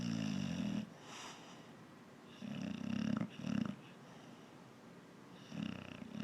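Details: A very big boxer dog snoring loudly through the day: rough snoring bursts recurring irregularly with quieter breathing between.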